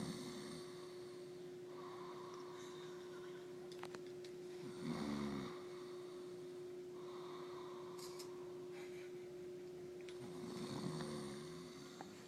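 Rough snores recur every few seconds over a steady appliance hum in a small room: snoring during sleep.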